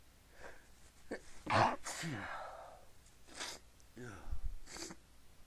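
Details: A bout of muffled, suppressed sneezes with sharp intakes of breath between them, sneezer trying to keep it quiet and unable to stop; repeated stifled sneezing.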